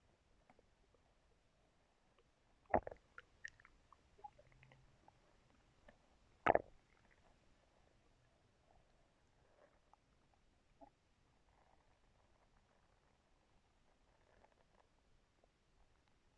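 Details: Stomach growling recorded in a hushed room with a brush: two louder gurgling rumbles among faint squelches and quiet bowel noises, ordinary borborygmi.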